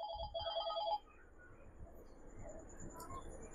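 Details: Digital thermometer with Celsius/Fahrenheit and child/adult modes, being used on the presenter's mother at home: a quick run of high electronic beeps, then quiet room noise.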